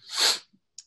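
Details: Adult with Tourette syndrome whose vocal tics include sniffing and throat clearing, occurring involuntarily during an interview; vocal tic (sniffing) in Tourette syndrome.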